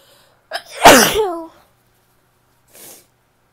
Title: sneezes (f)